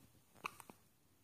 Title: 1 wk hiccups